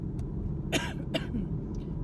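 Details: Two short, harsh cough bursts from an adult diagnosed with bronchitis, with wheezing heard by the doctor and an X-ray to rule out pneumonia, recorded over steady vehicle engine rumble while driving home.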